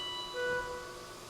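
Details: Steady electronic alarm tones over room noise: a Gambro Artis dialysis machine during patient setup, alarming for a bicarbonate (AFB) concentrate error.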